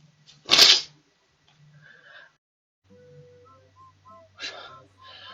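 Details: Young Chinese woman on a livestream who complains of nasal discomfort and asks for rhinitis medicine; a single loud, wet, explosive allergy sneeze, then quiet breathing and faint background tones.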